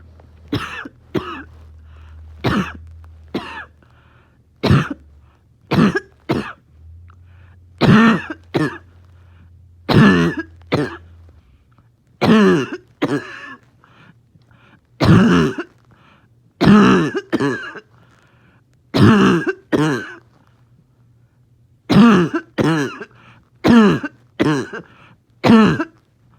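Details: Dog struggling to rest, with morning coughing: repeated harsh, honking coughs in quick pairs and clusters with a faint wheezy edge, a barking cough with wheeze.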